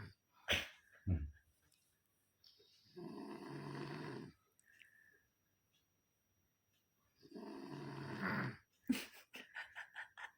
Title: Kalau Tidur Mendengkur